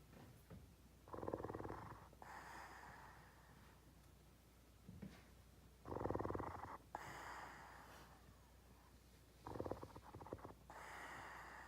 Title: snoring